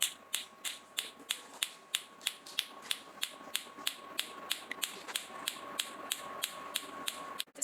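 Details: Niansheng PM08 picosecond Q-switched Nd:YAG tattoo removal laser handpiece firing during a demonstration: sharp snapping pulses at about three per second over a faint steady hum.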